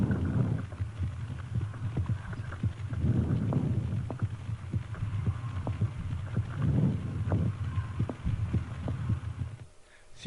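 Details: Bronchial breath sounds with inspiratory crackles, a chest auscultation recording from a teaching talk on bronchiolitis.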